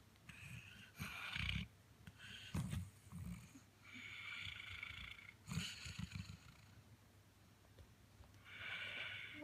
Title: Luggy snoring ❤️❤️